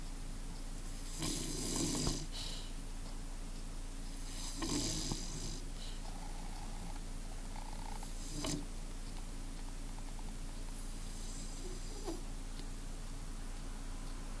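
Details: Bulldog sleeping in the sun: soft, snorting snores every few seconds over a steady background hum; ordinary dog snoring.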